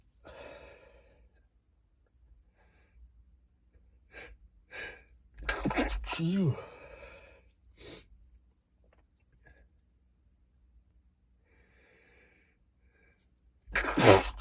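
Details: Male, stifled sneezes: several muffled, held-back sneezes with catching breaths between, then a stronger stifled sneeze at the end; he tried to stifle them but they were too strong.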